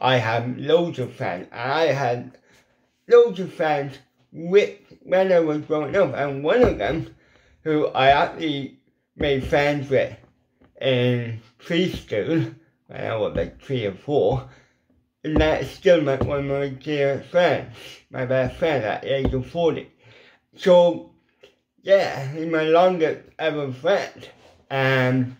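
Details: Adult man with ataxic cerebral palsy whose lip muscles are weak and cannot form the shapes needed for certain letters, a lifelong speech impediment: dysarthria (cerebral palsy)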